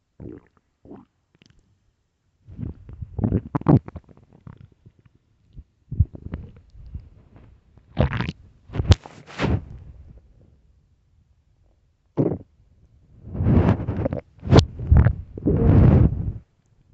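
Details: Early-morning stomach growls: low gurgling and rumbling bursts with quiet gaps; normal bowel sounds (borborygmi).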